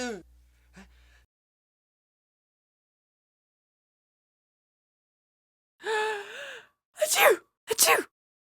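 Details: Animal sneezes: a short vocal snort and two sharp explosive bursts after a long silence; sneezing.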